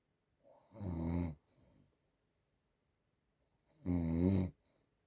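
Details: Elderly woman (grandma) snoring: two deep, rattling snores about three seconds apart, each followed by a softer breath, in a quiet room.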